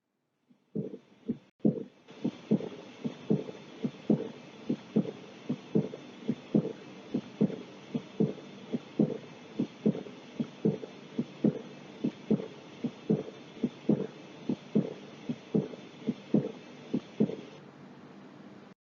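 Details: Regular heartbeats through a stethoscope during a cardiovascular physical exam, with a steady whooshing sound filling the gaps between beats, to be described by pitch and quality (harsh, blowing, rumbling, musical); heart murmur.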